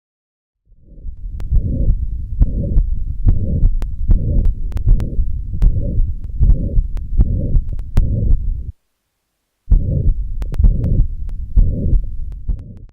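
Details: Pansystolic murmur of mitral regurgitation, recorded in a cardiovascular short-case examination teaching demonstration.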